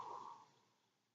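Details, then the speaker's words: Normal lung sounds heard with a stethoscope as the patient takes deep breaths in and out: a soft airy breath, clear, with no crackles or wheeze, meaning no infection. "now with normal lung sounds that you're going to hear which are clear and sounds you're gonna hear like in and out you're gonna hear that with your stethoscope"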